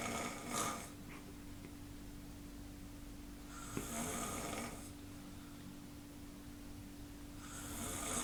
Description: snoring in bed